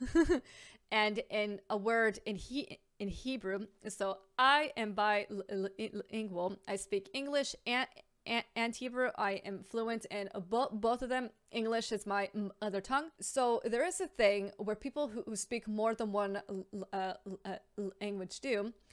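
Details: Stuttering (stammering), real, in an adult woman who says she has a stammer and is a stammer advocate.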